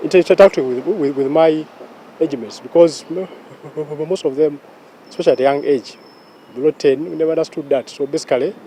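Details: Stuttering in a 44-year-old man who has stammered since childhood; stammering described as repetitions of sounds, syllables or words, prolonged sounds and blocks; cause unknown, described as largely genetic; stuttering.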